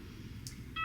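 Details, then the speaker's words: Short electronic power-on beeps from a Vitavue 10 multiparameter monitor, heard over low room hum when the on button is held. It then reaches the monitoring screen. Normal monitor power-on beep. "and we're turning on a couple of beeps and then we're at our monitoring screen"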